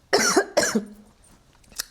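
Two quick, harsh cough bursts from an adult, followed by a faint sniff, in a quiet small room.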